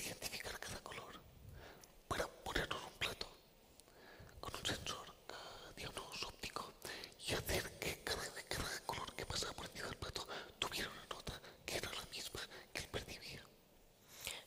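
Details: Adult man with the neurological disease dystonia, which in his case causes uncontrollable neck movements and can affect other body parts; real speech, whispered without voice tone: whispered speech (aphonia) from dystonia.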